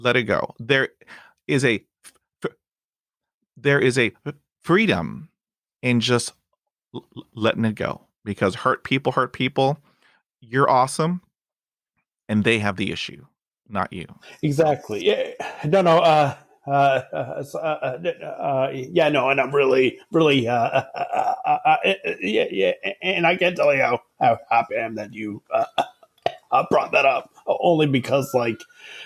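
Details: Adult male who has stuttered since about age 5 or 6 and had speech therapy from age 5 to 18, speaking in conversation; stuttering.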